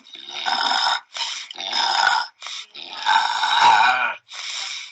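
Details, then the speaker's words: Brachycephalic dog with brachycephalic obstructive airway syndrome, from a veterinary lecture: loud, rapid, harsh snorting breaths (stertor) with a whistling, tonal edge (stridor) on each cycle. "now the respiratory noises that we're looking for are the sturter you know i've been given this lecture for years and i still find that upsetting it's remarkable"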